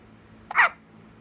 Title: Baby hiccups!